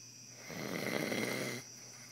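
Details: Sleeping adult taking a nap: a single rough, rattling breath lasting about a second over steady room hum; snoring.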